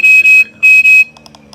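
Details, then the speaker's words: EnVe ventilator training demo: FiO2 is turned up with no oxygen supply connected, giving two paired high-pitched electronic alarm tones, then faint beeps; ventilator low oxygen inlet pressure alarm. "but if it's not connected piercings in the o2 inlet pressure is nominee so when I go to turn up the oxygen here and I grab this fio2 and I turn it up pass through there it's gonna no"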